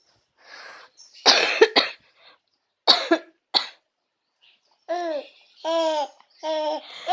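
Several short, harsh adult coughs, followed by an infant's bright laughing squeals.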